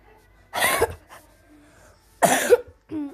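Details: Cough from a person who says they are ill and their voice may be hoarse: two harsh, forceful cough bursts separated by a short pause, then a brief voiced sound.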